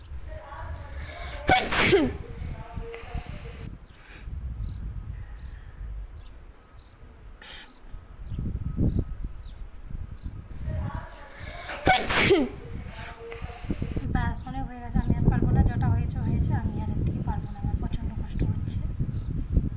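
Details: Deliberately self-induced sneezes in a sneezing challenge, nose sore: two forceful sneezes with sharp inhaled build-up, separated by quieter breathing, with outdoor wind background noise.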